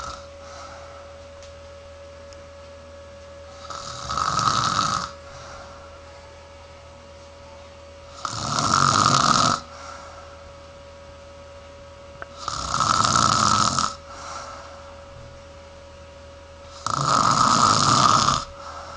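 Loud, rough snores with each breath in, about four over nineteen seconds, separated by quiet pauses, over a steady background hum.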